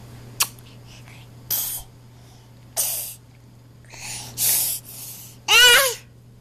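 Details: Young child, addressed as baby, faking sneezes on camera: about five short sneeze-like bursts with breathy noise, ending in a voiced sneeze, imitated rather than a true reflex sneeze.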